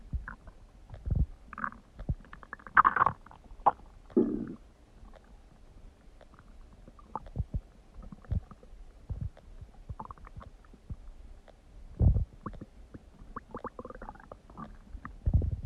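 Scattered gurgles, squelches and low rumbles from the abdomen, with quiet gaps: ordinary bowel sounds (stomach growling).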